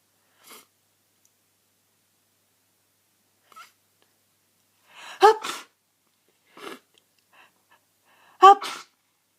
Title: Sneezing fit from end of a cold